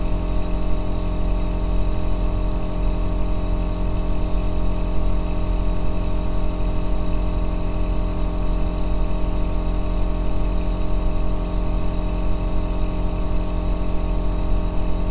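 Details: Aerosol nebulizer compressor running continuously, recorded as ASMR white noise for sleep and relaxation: a steady deep droning bass hum with constant hiss and fine buzzing tones, no pauses.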